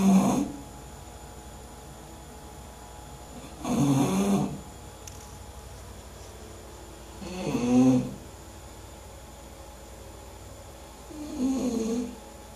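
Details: Sleeping English bulldog gives four loud rattling snores about four seconds apart, roughly 16 a minute, with quiet between; snoring.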